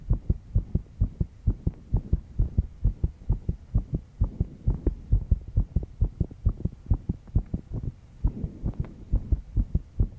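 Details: Fast, regular thudding heartbeat near 130 beats per minute from a 22-year-old female stressed after an all-night work session, with a low background hum; heartbeat under stress.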